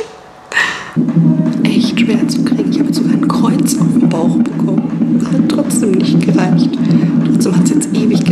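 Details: Fetal heartbeat on CTG Doppler at 32 weeks of pregnancy: rapid, whooshing rhythmic pulses over a steady hum.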